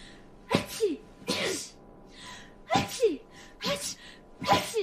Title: Sneezing Compilation